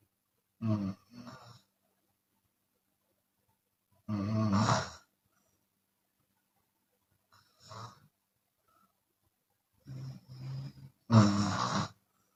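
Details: Chinese woman snoring with open mouth, sometimes on the exhale: loud, rough snores in bursts with quiet gaps, some breathy on the way out; open-mouth snoring.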